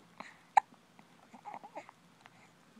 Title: Baby hiccups